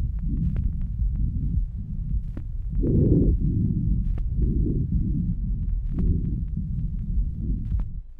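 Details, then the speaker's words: Normal breathing pattern of a 3-year-old girl: soft, low, regular breath sounds through a stethoscope. "El primer ruido que usted oirá es el patrón respiratorio normal de una niña de 3 años de edad."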